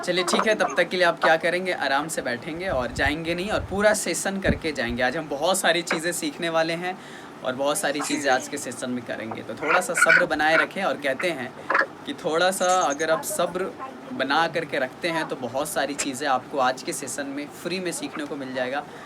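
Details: Adult male speaker (session host); Normal fluent speech.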